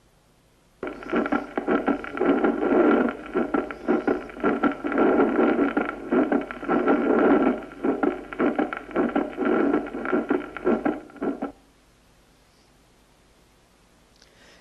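Harsh, rhythmic whooshing repeating about 107 times a minute over a noisy background; a systolic ejection murmur of pulmonary stenosis.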